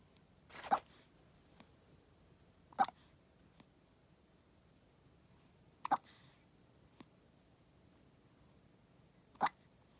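Four sharp, brief hiccup sounds spaced a few seconds apart in a quiet room; newborn hiccups.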